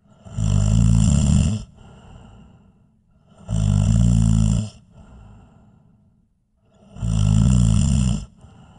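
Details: Snoring sound effect: three loud, low, rattling snores on each in-breath, about 18 per minute, with softer breathy out-breaths between; heavy snoring.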